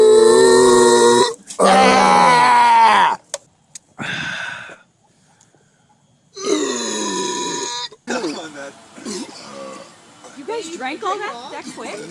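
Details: Long, loud, deep-voiced belches, several in a row, with some talk between; burping.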